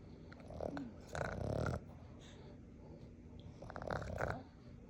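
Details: 4-month-old Boston terrier puppy snoring loudly while asleep: rough, low snoring breaths, two snores in a few seconds.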